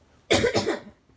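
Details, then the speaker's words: Persistent cough in a person who feels worse and plans an urgent care visit; harsh cough in one to two bursts, no wheeze or stridor. "But I hope this cough goes away."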